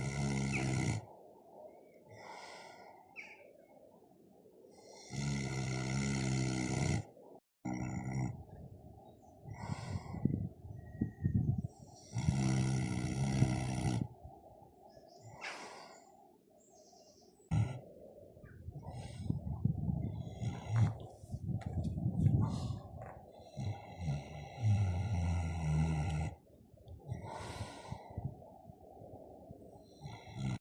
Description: A pig is sound asleep and snoring